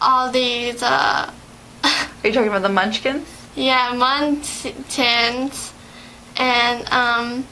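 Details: Adult women in conversation, likely two speakers; conversational speech.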